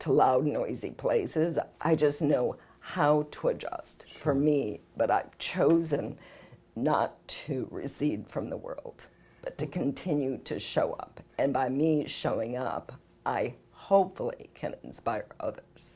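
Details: Spasmodic dysphonia, a rare neurological voice disorder, in an adult woman whose symptoms began possibly 6 years earlier.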